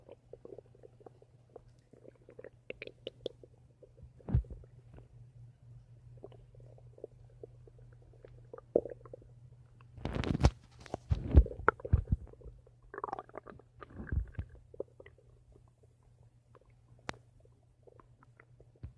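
Gurgling, bubbling stomach rumbles come and go over a low steady hum, ordinary bowel sounds of digestion.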